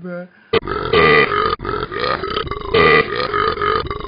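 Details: Talking Ben the Dog app recorded in a car: a brief tone, then a long, loud, rumbling exaggerated belch lasting several seconds.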